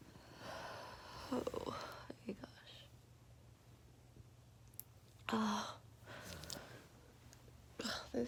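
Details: Allergic sneezing from an exhausted, itchy adult at 3 a.m. during a high pollen count, despite allergy medicine. Several sharp sneezes with quiet breathing between, in a quiet room.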